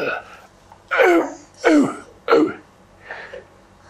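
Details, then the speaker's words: A three-year-old boy with croup, recorded at home in the bathroom, gives three harsh, sharp, brassy barking coughs typical of croup. "well you can hear it she can hear the barking cough"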